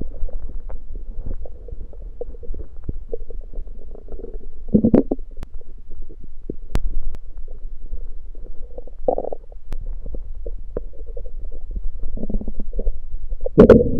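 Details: Person's own stomach growling at night after fasting: low, steady rumbling with scattered gurgles and squeaks over a constant hum; normal hunger borborygmi.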